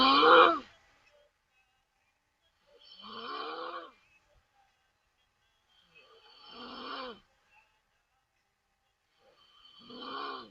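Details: Adult woman sleeping with mouth open, snoring loudly: rasping inspiratory snores about every 3.5 seconds (around 17 breaths per minute) with silent pauses between.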